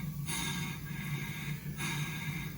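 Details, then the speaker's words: Hamilton ventilator in volume-controlled assist mode at 400 cc tidal volume, not connected to tubing, delivering breaths into open air: rhythmic rushing airflow over a steady low hum, mechanical ventilator breath delivery. "Once you've got your settings hooked up, you can hit start, and you'll hear our ventilator try and give breaths. Unlike the Draeger ventilator, this one isn't connected to tubing, so it's breathing into the open air, hence the Darth Vader sound effects."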